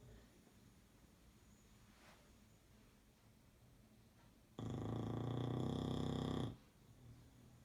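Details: English Bulldog napping on a bed: a single loud, rattling, buzzy breath lasting about two seconds in a quiet room; snoring.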